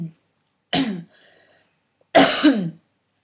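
Two short, harsh throat-clearing bursts, imitating a simple vocal tic of Tourette syndrome.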